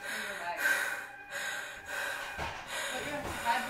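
Repeated noisy, effortful gasping breaths from an adult imitating an asthma attack as a prank.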